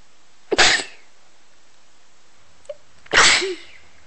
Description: I made a heap of recordings and chose a few different sounding sneezes.